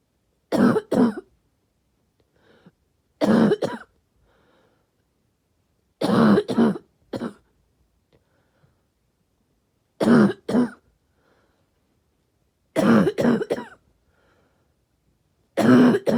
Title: Barky cough